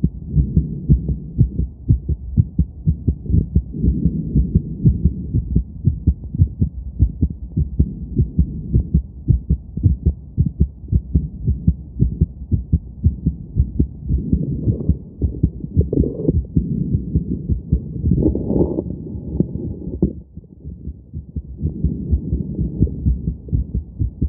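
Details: Quickened heartbeat after exercise: fast, steady low thumps at about 110–115 beats per minute.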